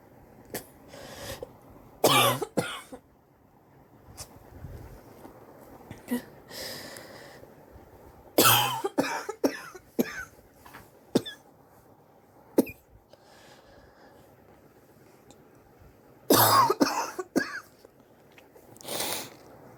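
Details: Adult with weeks of coughing, suspected bronchitis, X-ray planned to check for pneumonia: repeated harsh coughs in short clusters with throat clearing between them.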